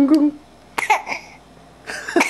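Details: A baby being tickled laughs and then coughs.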